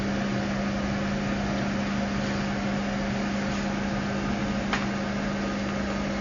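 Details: Steady machine hum with a faint tone and one sharp click as a CO2 fractional laser skin-treatment machine starts after the foot pedal is pressed; machine operation demonstration.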